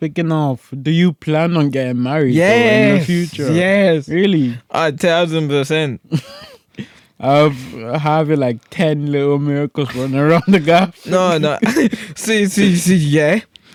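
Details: Podcast host with cerebral palsy, severe stuttering in childhood treated with speech therapy and still frequent; conversational speech with word and phrase repetitions; stuttering.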